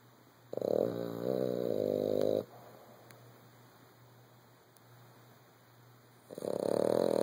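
Two loud, fluttering, buzzy snores with a quiet gap between them, from a sleeping animal. Snoring.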